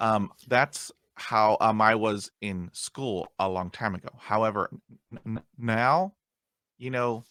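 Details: Stuttering in an adult man who still gets hung up on words after 20 years of speech therapy.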